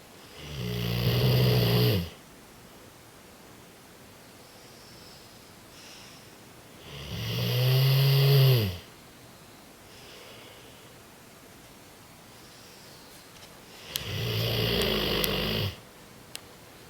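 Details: Three loud, rough, drawn-out inspiratory snores every six to seven seconds, quiet breathing between, from a sleeping French Mastiff (Dogue de Bordeaux); snoring.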